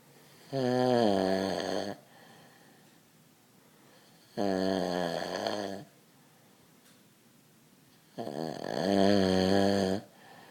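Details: Sleeping person snoring loudly: three clear, rattling snoring breaths with long quiet gaps, about 15 a minute.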